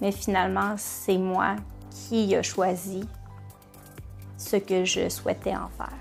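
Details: Adult who stutters; stuttering.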